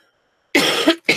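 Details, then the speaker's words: Single harsh, loose cough burst then the start of another, from an adult with a cold and runny nose on the first day feeling better after nine days ill; cough. "sorry guys Maddie I know I sound so annoying with the cough and the runny nose"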